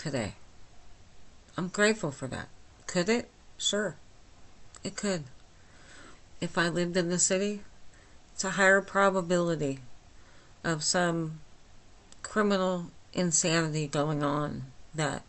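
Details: Adult woman with myasthenia gravis since age 8, with talking and swallowing problems, speaking without her speech appliance, understandable but not perfectly: myasthenic dysarthria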